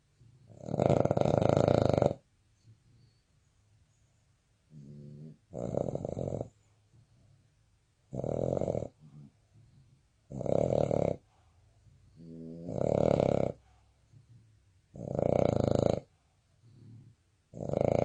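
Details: A sleeping Boston Terrier in deep sleep snores loudly and rhythmically, about 25 breaths a minute, with softer fluttering sounds between: snoring.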